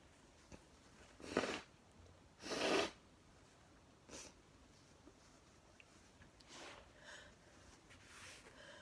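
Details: Two loud wet sneezes, then a softer one, a few sniffs and nose blowing; repeated sneezing.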